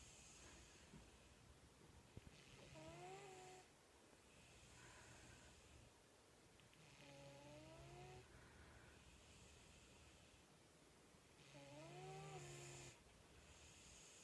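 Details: Pet snoring while asleep shortly before his death: slow, rough snores about every four to five seconds, some with a whistling, squeaky edge, over steady room noise.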